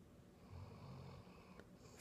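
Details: Sleeping dog, called the world's loudest snorer, giving a single low, rumbling snore during one long breath, faint against room noise: snoring.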